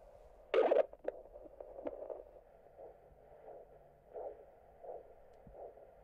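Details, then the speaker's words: Handheld Doppler ultrasound probe with gel over the dorsalis pedis pulse on top of the foot: brief probe-contact scrape and extraneous noise, then faint rhythmic pulsatile swishing, a normal arterial flow signal. "And there is the pulsatile swishing noise of the pulse."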